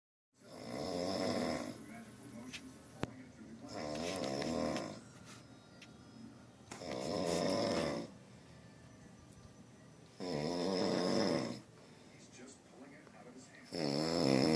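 Deep, drawn-out rattling snores about 18 a minute, with quieter exhalations between; an animal snoring in its sleep.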